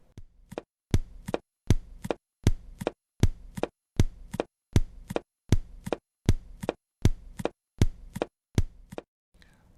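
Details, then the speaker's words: Simulated doubled second heart sound over the pulmonary artery with accentuation (louder) of its second part, about 79 beats a minute. "раздвоение второго тона на легочной артерии и акцент то есть усиление второй части второго тона"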